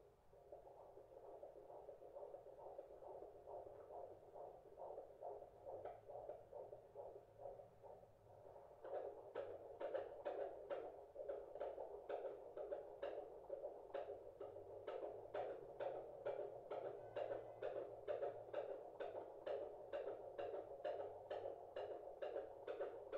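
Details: Fetal heartbeat on Doppler, much faster than the mother's placental pulse heard first: rapid, regular whooshing pulses at 140 beats per minute, judged normal by the midwife; baby wriggling in the bump.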